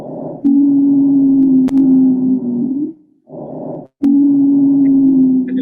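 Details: Wheeze in chronic obstructive pulmonary disease (COPD), tutorial example: sustained high-pitched musical whistling tones over breath noise across the breath cycles, from narrowed airways.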